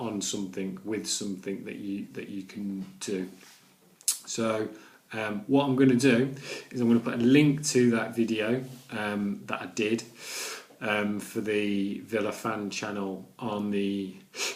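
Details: Adult man with a stammer, with blocks and repetitions in his speech: stammering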